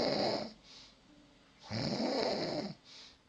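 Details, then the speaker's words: Snoring: two loud, rough snores on breathing in, each followed by a softer breath out. "الشخير في القواميس بانه الصوت الذي يصدره النائم وسببه ضيق الممرات التنفسيه"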